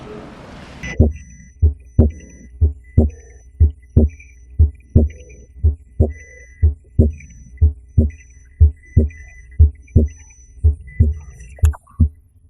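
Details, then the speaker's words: Normal apex for comparison: clear, regular first and second heart sounds at about 60 a minute, faint high tone behind; apical impulse ends before S2, contrasted with a sustained impulse from left ventricular volume overload. "lo estamos comprando con el ápex normal donde ustedes van a escuchar el relé r2 y van a escuchar que el impulso apical no llega hasta el segundo ruido se acaba antes"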